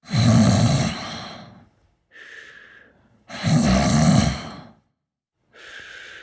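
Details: Person sleeping and snoring: loud, rattling snores on each breath in, softer breaths out, about 18 breaths a minute.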